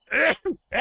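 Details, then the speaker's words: A single loud, voiced adult sneeze pushed mostly through the mouth, then a brief follow-on sound, during a live video-game stream; the sneezer, who announced it first, said it sounded terrible. "oh i gotta sneeze hold on"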